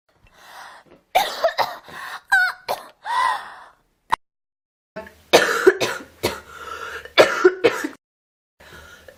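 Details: Adult woman, two bouts of short, harsh, repeated coughs separated by a brief pause, in a quiet room; plain cough.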